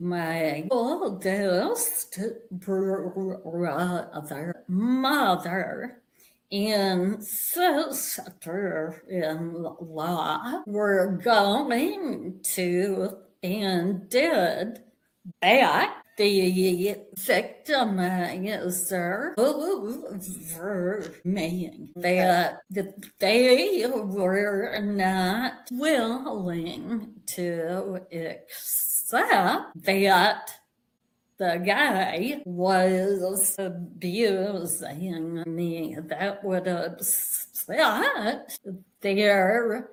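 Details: Vocal tremor in a woman; the description attributes it to over five decades of emotional abuse beginning at age five, which eventually manifested as a physical vocal tremor.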